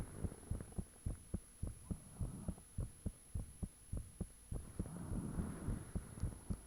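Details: Own heartbeat recorded with the fan off, shortly after the heart began feeling really thumpy: strong, regular thumping about 105/min with whooshing at times, said to be blood rushing through the chambers, faint steady hum; heart sounds.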